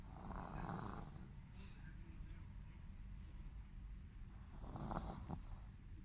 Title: Snoring 🐶 dog